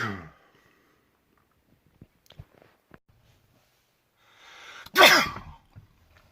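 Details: Single loud sneeze from a compilation of the uploader's own sneezes: a rising breathy intake, then one loud explosive sneeze, with faint small sounds before it.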